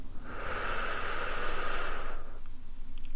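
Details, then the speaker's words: Acted medical roleplay exam: a single smooth, soft rushing breath with no wheeze or crackle, heard by stethoscope on the chest during deep breathing; normal breath sounds. "Okay, once again, placing the stethoscope on your chest. If you could just take a deep breath in for me, please. And out."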